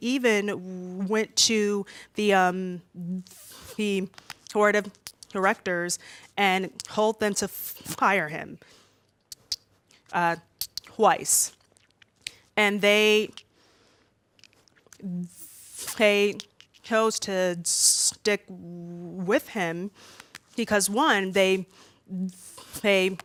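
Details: Adult woman who says she stutters much more when nervous speaking in front of an audience: stuttering.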